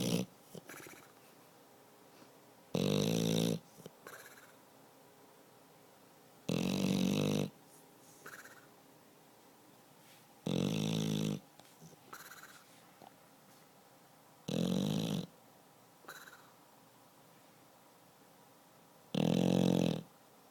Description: Our pet (beagle pitbull mix) snoring away after a long day of car rides, chasing squirrels, and smelling new places).